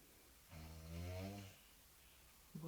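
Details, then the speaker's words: Sleeping girl, said to be genuine, not staged; one long, low, coarse buzzing snore of about one second in a quiet room: snoring. "При просмотре этого видео все будут думать, что мы издеваемся на девочку, которая просто спит, подобрав какой-то храб безумный. Но это не так."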